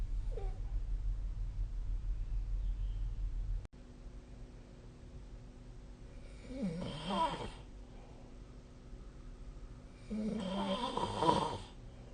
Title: 🐽 Snoring Sleep Sound / いびきの音